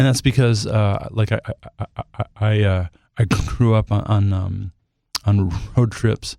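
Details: Adult male singer who stutters and says he has become more fluent with age, recorded while he has a cold; stuttering.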